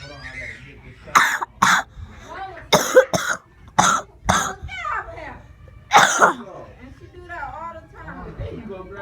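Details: Child coughing repeatedly after being sick with a very sore throat: about seven sharp, dry coughs in quick bursts with brief talk between them.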